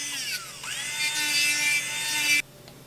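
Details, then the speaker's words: Dental handpiece whine rising and falling, then stopping abruptly, as a fine finishing bur smooths a relined polycarbonate temporary crown (B-crown) and trims off excess. "and we gently go with a fine finishing Burr smooth it down and trim off the excess"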